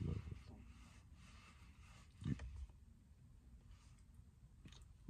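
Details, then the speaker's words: Stomach growling in a hungry, stressed person who is not eating yet: borborygmi. "stomach growling because I think I'm a tad bit hungry, but I'm not to eat, so I'm going to take care of it later. It's going to growl for a little while."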